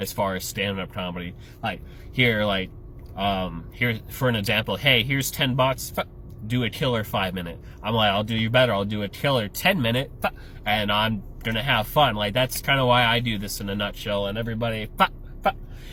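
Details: Adult male comedian with Tourette syndrome: vocal tics (Tourette syndrome).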